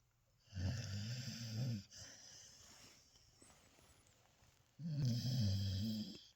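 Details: Sleeping dog snoring: two long, low, rattling snores separated by a quiet exhale.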